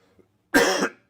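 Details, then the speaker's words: Adult man overcoming a cold, throat sore, speaking during a live show; cough. "also you will hear me coughing and like that because I am overcoming a cold"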